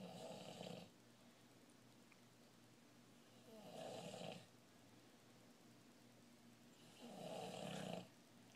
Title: Somebody's snoring...